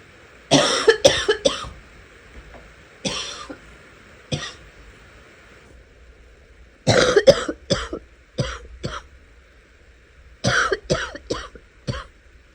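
Four clusters of rapid, harsh coughs, roughly fifteen in all, separated by short pauses; repeated bursts of coughing.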